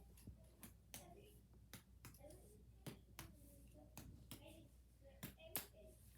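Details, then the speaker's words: Sharp finger taps during a teaching chest exam, percussing anteriorly, posteriorly and laterally, give a hollow resonant note over the back of the chest; the percussion sounds fine, a normal chest percussion note. "we're going to start anteriorly we're just going to percuss the chest okay we're also going to go posteriorly and"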